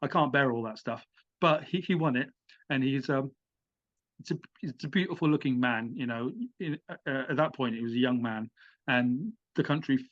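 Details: Adult British man who has stammered with blocks and has had some speech therapy; he says the stammer can come in when addressing an audience; stuttering.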